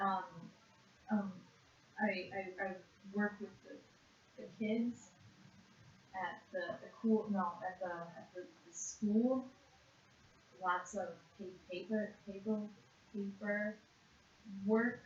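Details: Severe conduction aphasia in a 56-year-old woman after a single stroke to the left hemisphere in June 2012, worse with stress; spontaneous speech subtest with paraphasias; conduction aphasia.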